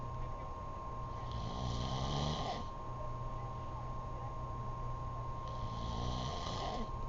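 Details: An adult man snoring: two loud, rattling inspiratory snores about four seconds apart (around 15 breaths per minute) over a steady electrical hum.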